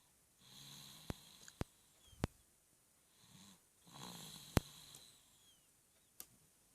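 Two low rattling snores on the in-breath, with sharp clicks and faint room noise between them; ordinary snoring.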